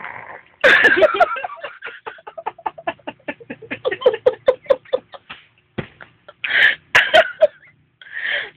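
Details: Child imitating in Filipino how her mother snored last night: rapid train of short, rough, snorting vocal bursts with breathy noises and brief pauses; imitated snoring.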